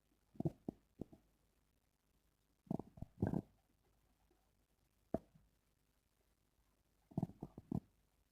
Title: Stomach growling sounds #1